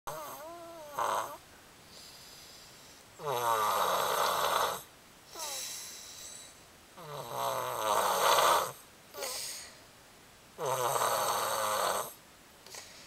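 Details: Loud, rattling inspiratory snores spaced a few seconds apart in a quiet room: snoring.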